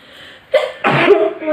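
A brief indrawn breath, then a sharp voiced burst trailing off: a single sneeze, deliberately provoked.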